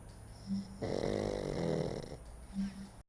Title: หมา นอนกรน (dog snoring)